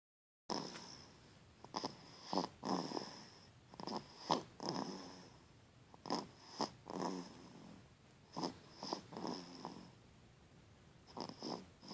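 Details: Light snoring during sleep: soft, irregular snorting and rattling breaths over a faint steady room hum.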